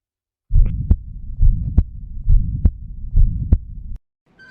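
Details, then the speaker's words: Stethoscope heart sounds of a newborn child with a hole in the heart (septal defect): regular beats with a continuous low rumbling murmur filling the gaps between beats. "اما بقى لو في طفل ومولود وده عنده ثقبه في القلب ودي حاله منتشره وشائعه جدا وده هنسمع في الحاله دي الصوت"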